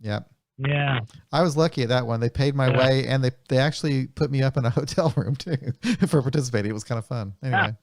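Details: Adult man speaking over a phone line; conversational speech.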